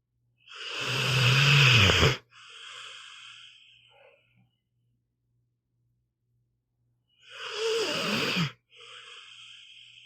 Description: Here is an hour of my pitbull, Meatball snoring.